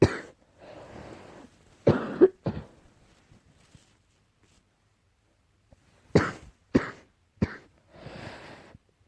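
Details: Repeated bouts of coughing while trying to sleep, possibly allergy-related: two clusters of about seven sharp, dry coughs with quiet, noisy breaths between them, in a quiet room.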